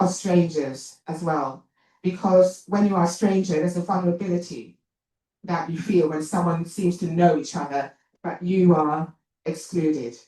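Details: Adult woman, an actor and writer, who says she has a stammer and points it out while speaking; stuttering.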